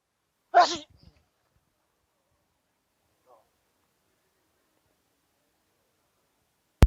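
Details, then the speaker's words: Person sneezing a little into their hand: a single loud, abrupt sneeze burst near the start, then near silence with a faint sound and a click; sneezing. "Come on, buddy. I just sneezed in my hand a little."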